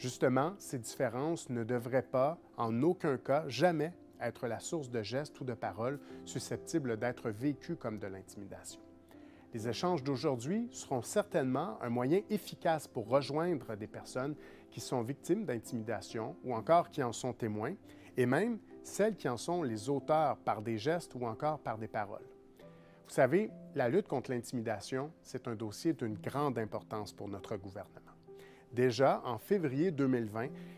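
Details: Adult man; normal speech.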